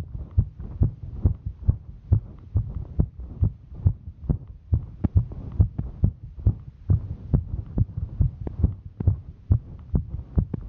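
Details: Female hiker; steady, regular low thumps at about 69 beats a minute over a soft background hum; heartbeat.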